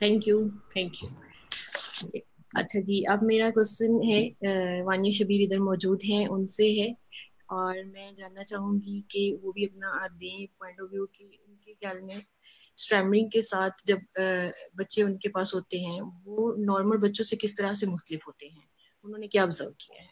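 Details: Adult woman speaking Hindi; fluent speech.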